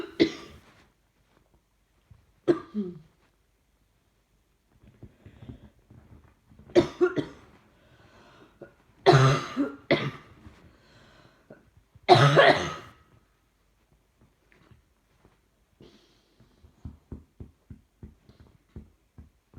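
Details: An adult gives repeated harsh coughs in bouts over twenty seconds while trying to watch TV; the soft rhythmic thumping is a puppy wagging its tail on the sofa. Persistent cough.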